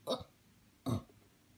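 Two short, low, voiced bursts about a second apart, like small burps.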